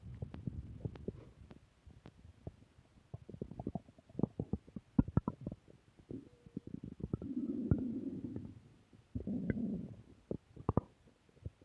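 Soft bubbling pops and clicks with a few longer low gurgling rumbles, typical of stomach growling.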